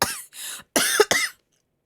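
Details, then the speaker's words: Three or four short, dry cough bursts in a row, starting once the person began talking after staying silent. They have a summer cold, are drinking ginger tea and have not yet seen a doctor; cough. "여태까지 말안하 있다가 방송 키고 이제 말하니까 갑자기 기침을 하기 시작하는데 와 진짜 왜왜 이렇게 침야 원래 이렇게까지 기침 어 또 여러분 여름감기 조심하세요네"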